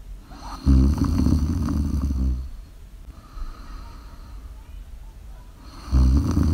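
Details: Snoring during sleep, live recording: deep, loud, rattling snores on inhalation with quieter breathing between; adult snoring.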